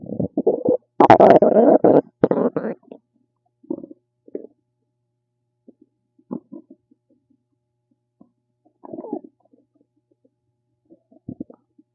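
A loud bubbling, gurgling rumble, then scattered softer gurgles and pops: ordinary stomach rumbling from gas and fluid moving through the gut.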